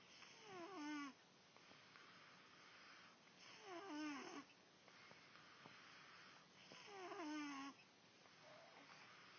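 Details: Three rhythmic rattling snores at about 18 a minute, each with a rising whistling tone, in a quiet room: snoring.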